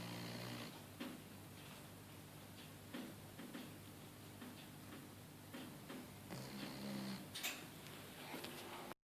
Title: Doggy snores